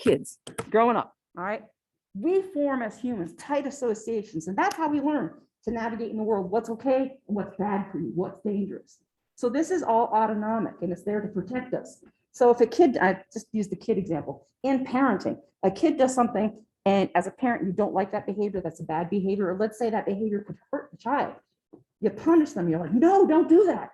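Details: Adult woman lecturing; normal speech.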